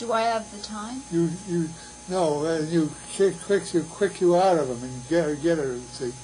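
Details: Patient with Wernicke's aphasia producing fluent speech lacking meaning; Wernicke's aphasia.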